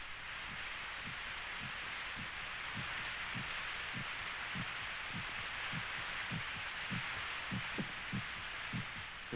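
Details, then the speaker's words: Sound of a heartbeat heard in a silent soundproof room, the heart pounding against the ribs; steady low thumps at about 100 a minute under heavy hiss from a 1949 film soundtrack. Normal heartbeat. "sound of our heart pounding against our ribs."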